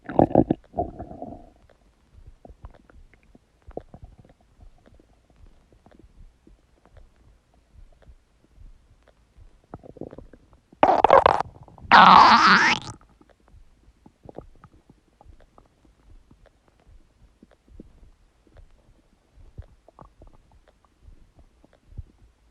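Soft intermittent gurgles and clicks build to two loud, prolonged rumbling gurgles midway: ordinary bowel sounds.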